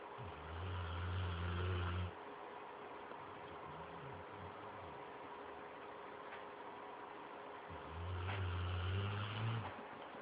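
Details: Snoring while asleep on the couch: deep, rattling snores on the in-breath, each about two seconds, with quieter breathing between them.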